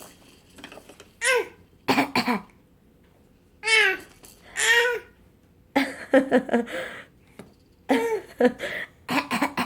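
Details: Infant makes short, deliberate fake cough-like bursts mixed with high cooing and squealing; voluntary cough.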